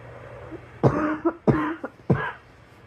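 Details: Three sharp, voiced coughs in quick succession from a girl, each a sudden burst with a brief rough tail; plain cough.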